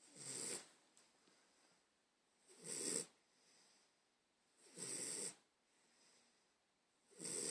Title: Shi Shi Snoring